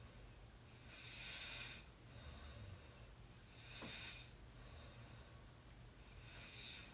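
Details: Hissy, airy breaths alternating in and out with a faint low flutter over a noisy background; soft snoring during sleep.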